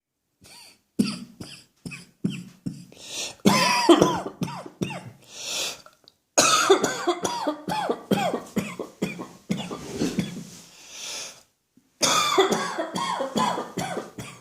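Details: Adult's irritating dry cough brought on by a dusty atmosphere, with no chest infection at present: repeated bouts of short, dry, hacking coughs with brief pauses between fits.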